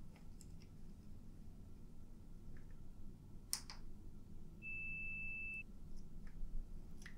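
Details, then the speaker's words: Simulated ASMR audiologist role-play, high/low frequency stage where the listener raises a hand or says yes on hearing a tone: a steady pure beep lasting about a second over quiet room hiss; pure-tone audiometry test tone. "so let's see here we're going to start with the high and low frequency testing what i want you to do is when you hear one of the sounds one of the tones you can either raise your hand or you can say yes okay"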